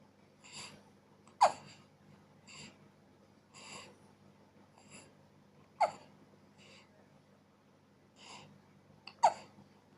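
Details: Four-day-old baby boy with hiccups: soft breaths broken by three sharp, sudden hiccups a few seconds apart.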